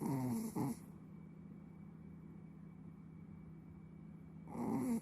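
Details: Short, rattling snorts at start and end with quiet breathing between, from a sleeping Chihuahua: snoring.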